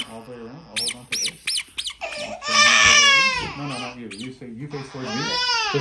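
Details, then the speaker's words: Baby about 21-22 weeks old crying after a vaccination: loud, high-pitched wailing in rising and falling bursts. "oh i thought it was easy easy you cried though"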